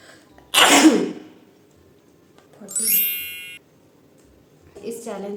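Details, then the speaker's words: Woman's single loud, explosive sneeze, deliberately induced by sniffing chili flakes during a 20-sneeze challenge, with nasal burning reported; followed by a short toned sound and a brief vocal noise. "14 times तो sneeze आ चुका है अब बस एक times जल्दी जल्दी आ जाए फिर मेरा य चैलेंज कंप्लीट हो जाएगा"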